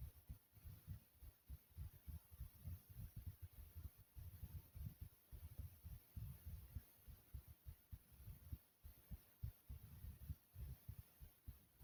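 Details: Steady low thumping heartbeat at roughly 100 beats per minute with a faint hum underneath: a pumping heartbeat.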